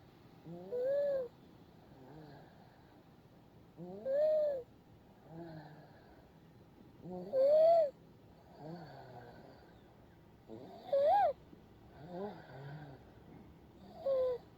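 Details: Soft, rhythmic snoring in a sleeping baby, about 18 breaths a minute, with high rasping tones on each breath; parent notes the baby snores loudly. Infant snoring.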